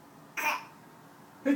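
Two short harsh bursts from the throat, one about a second after the other, with quiet between. Throat clearing.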